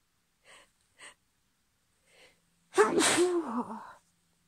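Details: Hay fever sneezing in a female in the UK, partly induced: two or three quick breathy in-breaths, then one loud explosive sneeze with a voiced tail.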